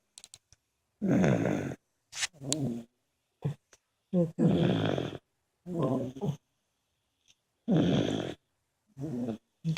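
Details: Several people, an uncle, a nephew and a brother, asleep in a basement: loud, rough, rumbling snores in irregular bursts with pauses, about 18 a minute; ordinary snoring.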